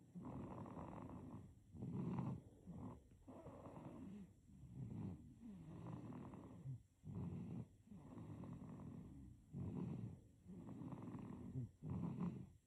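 Rapid, rough, rattling snores on each breath in a sleeping baby, with short pauses between breaths.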